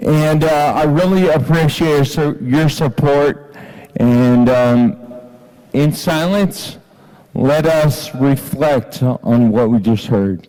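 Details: Ataxic dysarthria in an adult man with Friedreich's ataxia diagnosed at age 17, heard while reading aloud.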